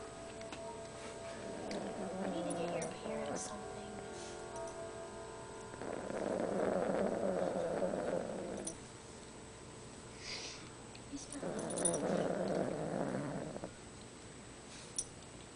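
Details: Toy poodle sound asleep, snoring: soft, fluttering snores in slow repeated bouts over faint background music.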